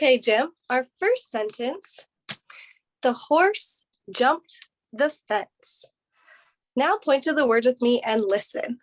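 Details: Adult female speaker (clinician); Clear speech.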